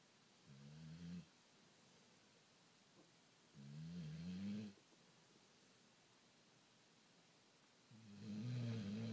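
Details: A sleeping son: three low, rattling snores on breathing in, about 13 a minute, with quiet pauses between them; snoring.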